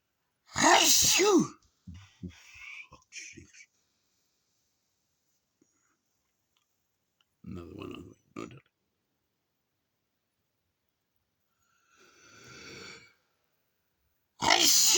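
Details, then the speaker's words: Adult having a sneezing session: two loud, sudden sneezes with a sharp explosive burst, separated by quieter breathing and small vocal sounds. "Yeah, that's it. Oh, that's it. I'm just had another sneezing session. 2:30."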